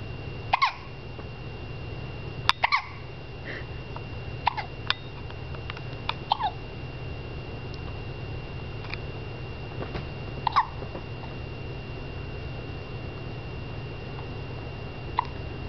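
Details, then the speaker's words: Hiccups in a 7-week-old baby girl: short, abrupt catching sounds every few seconds over steady room noise. "Can you say hi to Grandpa? She has the hiccups right now."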